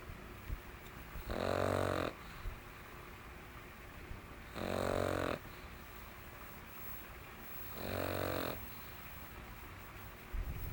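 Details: Pug recovering from mange, sleeping: three loud rattling snores about three seconds apart, roughly 18 a minute, with quiet gaps between; steady snoring in a flat-faced dog.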